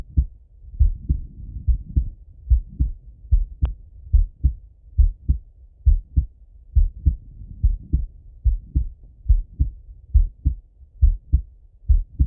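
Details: Male heart auscultation with a stethoscope, recorded either sitting at a desk or lying in bed; steady lub-dub at about 69 beats a minute, crisp first and second sounds, no extra noises; normal heart sounds.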